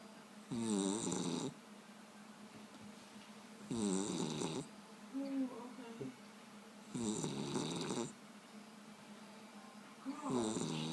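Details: Dog snoring with wet, bubbly, fluttering snores at each breath, roughly four in ten seconds, over steady room hum; likened to a wet fart.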